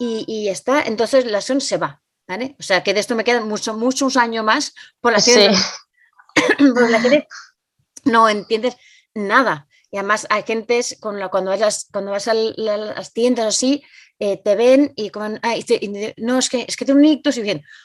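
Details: Adult Spanish-speaking woman with aphasia following a stroke (cerebrovascular accident); aphasia.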